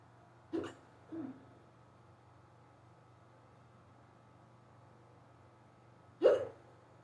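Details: Sudden unusually severe, rapid hiccup bout after waking in the morning, lasting about 20 minutes in someone who rarely gets hiccups: three abrupt, sharp hiccups in a quiet room, two close together, one after a pause; hiccups (singultus).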